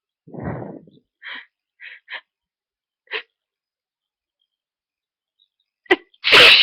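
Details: Person with a nasal tickle, possibly getting sick, after two earlier sneezes: several short building inhalations and pauses, then a forceful sneeze burst; a delayed, stuck sneeze.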